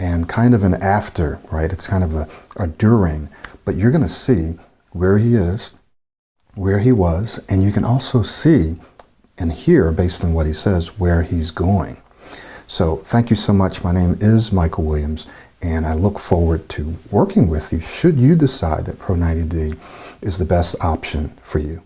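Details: Adult male speaker; Normal fluent speech.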